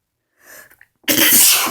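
A brief hissing inhale, then one forceful, explosive sneeze.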